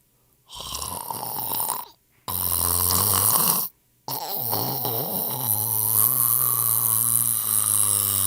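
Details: Several loud, harsh, rumbling snores cut abruptly between recordings of different people, with snorting and whistling breath noise; snoring.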